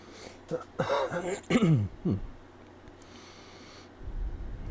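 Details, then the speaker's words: Adult man clears his throat in a few voiced, gravelly bursts into a sensitive microphone while streaming a game, attributing the mucus to his seasonal fall allergies. "Now, my you'll hear me probably clearing my throat and coughing a bit. My allergies are acting up."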